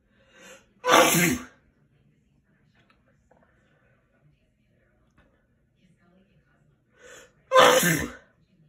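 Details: Two loud, explosive sneezes about six seconds apart, each preceded by a short in-breath; ordinary sneezing.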